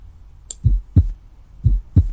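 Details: Teaching recording: two heartbeats at about 60 a minute with a soft murmur between first and second sounds; systolic murmur.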